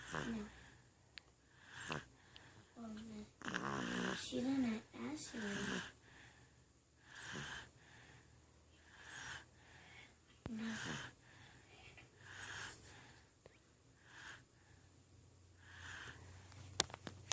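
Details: Baby in a post-breastfeeding sleep snoring lightly: soft, breathy snoring sounds repeating at about 40 breaths a minute in a quiet room.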